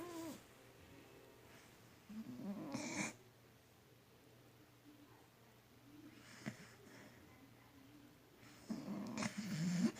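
A dog snoring: rough, rattling snore sounds on two breaths, with long quiet pauses between them.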